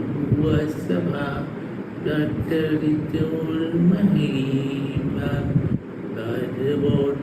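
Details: Automatic speech in non-fluent Broca's aphasia; the patient recites a memorised mantra.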